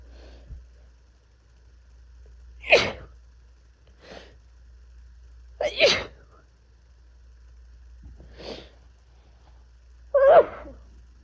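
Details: Three full explosive sneezes plus a couple of softer stifled ones from an adult with an intense cold with fever, chills, body aches and coughing.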